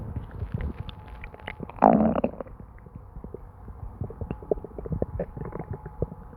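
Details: Continuous gurgling and bubbling stomach noises with one louder, longer rumble, ordinary borborygmi.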